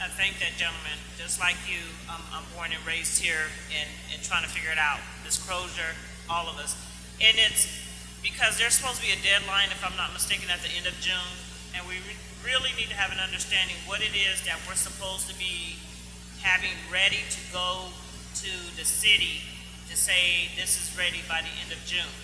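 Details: Adult man speaking at a meeting; Normal voice.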